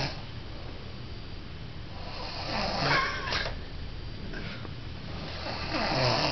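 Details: Sleeping animal snoring on camera: soft, uneven snorting breaths against steady room noise; mild snoring.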